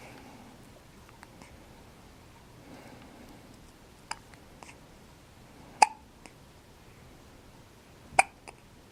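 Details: 4-day-old newborn boy with hiccups: short, sharp hiccup sounds at irregular intervals, a few louder among softer ones, in a quiet room.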